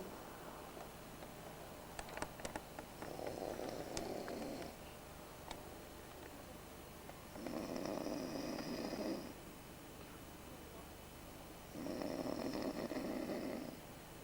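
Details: Man snoring while camping in Australia: loud, harsh, rattling snores on each breath in, about every four seconds (roughly 14 breaths a minute), with outdoor background noise.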